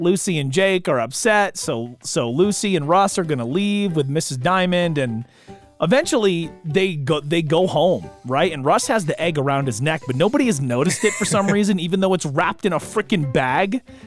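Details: Adult male narrator; Normal speech.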